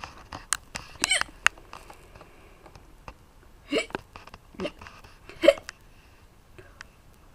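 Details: Several short, abrupt hiccup sounds at irregular intervals, acted by voice actors for a comic dub; simulated hiccups.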